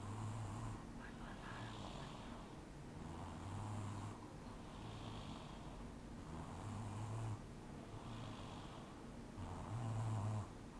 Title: Baby Snoring!!